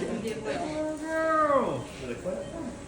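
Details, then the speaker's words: Newborn girl's first thin, rising and falling cry moments after an unexpected C-section delivery following 60+ hours of labor, after a worrying silence; soft adult voices in the room; newborn cry. "And then I remember finally hearing her cry, which was just the sweetest."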